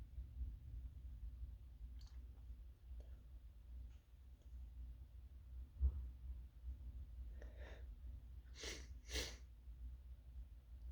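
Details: An adult working from home who thinks they are coming down with something: quiet breathing and small noises over a low room hum, then two sharp sneezes close together near the end.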